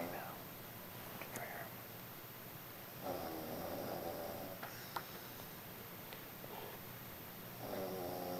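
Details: Man snoring: faint, low rattling breaths repeating in a quiet room, each a few seconds long.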